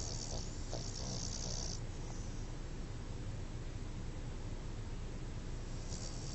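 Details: Animal named Rocky snoring while asleep, nightly per owner: low, rumbling snores with hissy breath noises at times over steady low background noise; snoring.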